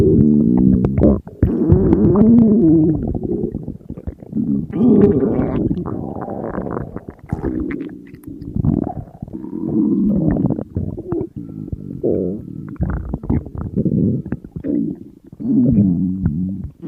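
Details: Hunger borborygmi from an empty stomach of a dieting person surrounded by food: long, continuous gurgling and groaning rumbles with shifting pitch, barely pausing, normal hunger growling.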